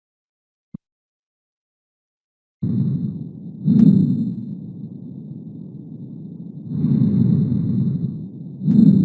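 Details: Lung sounds through a stethoscope: breath cycles with several high, thin musical tones, a polyphonic wheeze over the lower lung fields.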